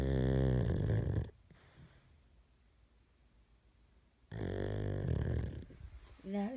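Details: Pug (flat-faced dog) snoring in the middle of the night: two loud, rough, rattling snoring breaths separated by a quiet pause, with a brief snort at the end.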